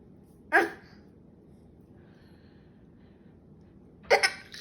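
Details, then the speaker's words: A mother gives two sharp, explosive sneezes a few seconds apart in a quiet room while her young child listens. "Is mommy sneezing funny?"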